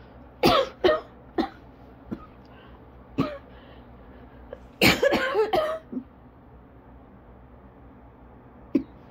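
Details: Asthma coughing fit, ongoing about 30 minutes, leaving them lightheaded, dizzy and struggling to breathe: about ten sharp, dry coughs in irregular bursts with a tight cluster midway and brief pauses.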